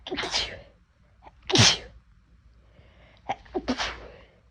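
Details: Three sharp, explosive sneezes in quick succession, each preceded by a quick inhalation; self-induced sneezing on a day when the nose felt itchy and unusually sensitive.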